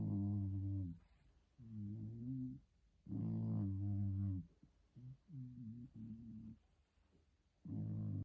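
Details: A sleeping male dog snoring like a person: repeated low, rumbling, humming snores with quieter gaps between them, ordinary snoring.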